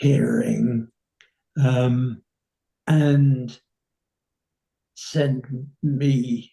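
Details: 85-year-old man with nonfluent variant primary progressive aphasia; slow, effortful speech heard.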